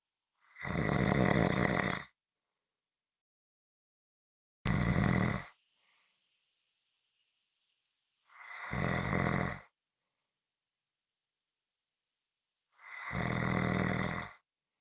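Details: Loud, rough snores about every four seconds, roughly 14 a minute, with silent pauses between; snoring.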